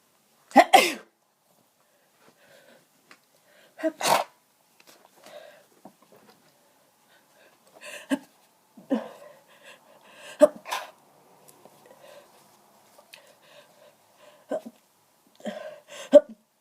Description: Such bad hayfever, I was sneezing and congested for hours. I tried to stifle most of these but a few escaped! My nose was just so tickly and I couldn't stop sneezing.